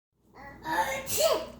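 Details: Fake sneeze: a single voiced intake rising into a sharp burst, an imitation rather than a real sneeze.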